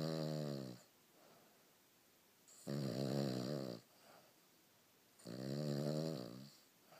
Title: Oliver the snoring dog